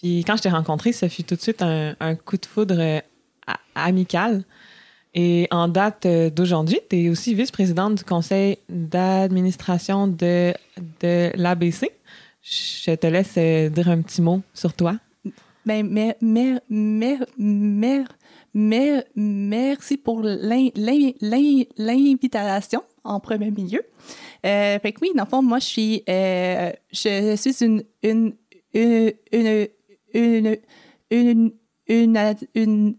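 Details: Adult woman who has stuttered since age 6 (developmental stuttering); real, natural conversational speech showing stuttering.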